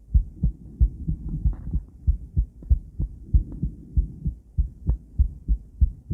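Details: Female heart on ultrasound Doppler: regular low whooshing heart thumps at about 95 a minute, with some noise at the beginning; normal heartbeat.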